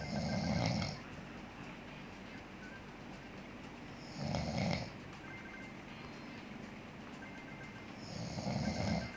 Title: Dad snores while I play subway surfers